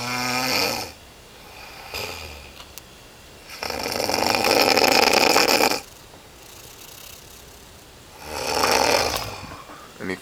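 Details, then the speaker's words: Loud, harsh, rattling snores with quiet gaps, about three in ten seconds, from a sleeping man described as the loudest snorer ever, who wakes the recorder every day: snoring. "[ __ ] loudest snorer ever the [ __ ] is dying and [ __ ] [ __ ] annoying ass snoring"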